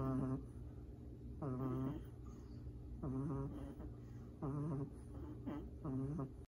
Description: 🐶 Two BABY BLACK PUGS SLEEPING 💤and SNORING 😂Too Cute - Must Watch !